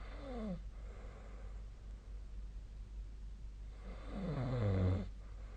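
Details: Two rattling, fluttering breaths during sleep against steady room hum; snoring.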